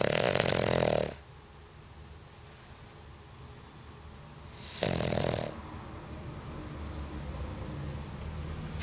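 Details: King Charles Cavalier spaniel dog snoring in sleep, as daily: loud rasping snores about one every four seconds with quiet breathing between.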